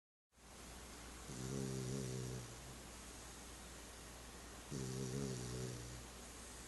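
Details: Puppy snoring: two low, buzzing, droning snores about three seconds apart over steady room hiss; ordinary snoring.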